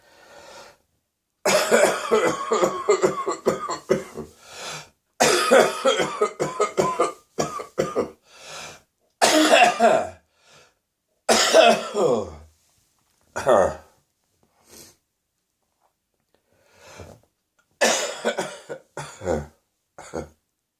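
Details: Adult with a morning cough in repeated harsh bouts, the cough descending into the chest while the throat is still sore: a chest cough.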